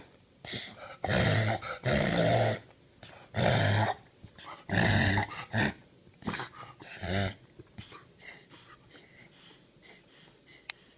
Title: Honey 6/6/16 reverse sneezing?